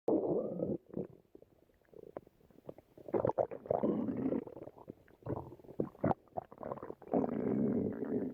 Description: another love story with Marie-Ange, they on a boat for looking the sea, but stomach growl, a moment Marie-Ange rubs tummy.